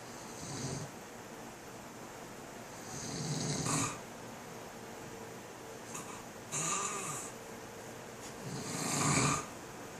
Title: Snoring dad